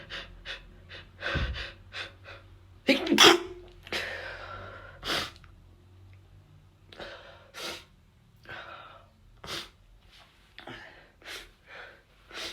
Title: Some desperate sneezes